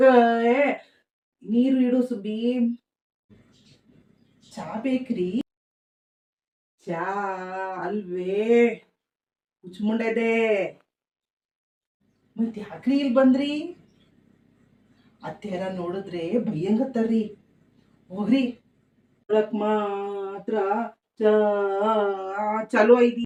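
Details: Acted stuttering by an adult male actor in a Kannada comedy skit, playing a son whom his mother calls a stutterer; repeated and broken words are heard.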